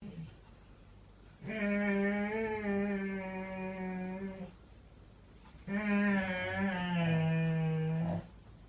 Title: snores dog